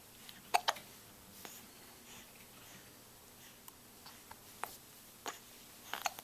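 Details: Several brief, sharp, irregular catches of breath in a quiet room, about six in six seconds; hiccups.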